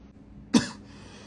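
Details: Acted comedy sketch: an adult man gives a single short, forceful cough beside his mother, who asks if he is sick; he says he is just clearing his throat.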